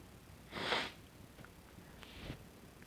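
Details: Deliberately induced sneezing with a very sensitive nose, sneezes getting messy, in someone who suspects they may be getting sick: one sharp hissing burst, then a softer second burst and faint sniffs in a quiet room.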